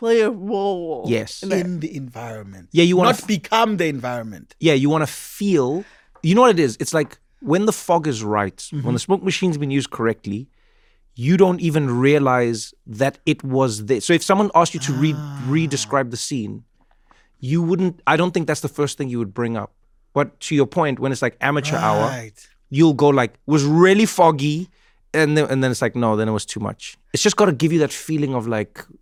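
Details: Adult male speaker in conversation; normal speech.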